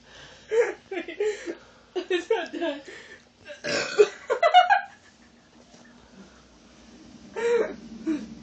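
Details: Brother and sister burp contest: a series of loud, throaty belches in several bursts, with brief voices and a giggle between.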